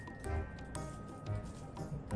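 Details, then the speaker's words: Normal fetal heartbeat on Doppler ultrasound in early pregnancy (4–11 weeks), 32-year-old mother; rapid, regular whooshing pulses, baby described as very healthy and moving. "자, 이렇게 심장 뛰는 것도 잘 보이고, 애기 잘 놀고, 그죠? 자, 심장 소리 먼저 들려드릴게요."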